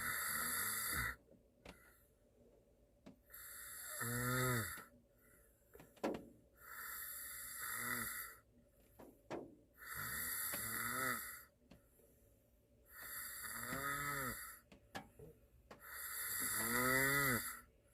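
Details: Korean man snoring while asleep in a car on a snowy day: loud rhythmic snores, about six in the span (roughly 20 a minute), with whistling rises on each breath over steady rain noise.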